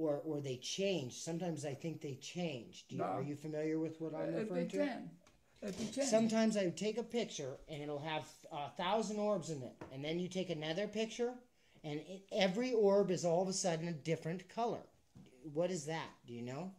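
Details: Adult speaker; normal speech.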